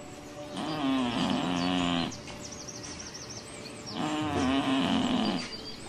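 Sleeping cat making two drawn-out, buzzing snores on the in-breath, with faint high chirps in the background. Ordinary snoring in deep sleep, harmless.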